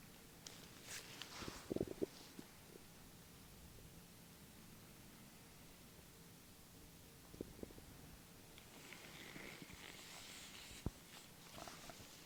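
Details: Soft gurgles and brief rumbles heard through a stethoscope on the abdomen of a lying patient reporting left-sided abdominal pain, in a simulated role-play exam; sounds heard in all four quadrants: normal bowel sounds.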